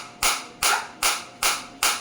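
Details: A focused (not radial) shockwave therapy device for plantar fasciitis and heel pain, fired against the demonstrator's hand at intensity about 8–10 of 15: sharp, regular snapping pulses, about 2.5 per second.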